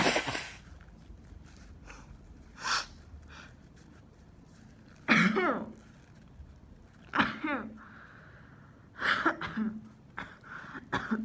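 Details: Student at the school nurse with a 38.6°C fever, sore throat, constantly running nose, headache, stomachache and a nosebleed earlier, coughing and sneezing all morning: several short, sharp cough bursts with a sneeze-like burst and throat noises between pauses; coughing.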